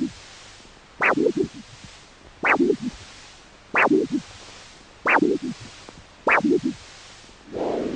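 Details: Huntleigh Dopplex Doppler on a normal foot artery, probe angled towards the heart, replayed for comparison with a monophasic stenosis signal in a diabetic foot demo: crisp pulsing whooshes with quick follow-on sounds at about 48 a minute, a normal multiphasic arterial signal.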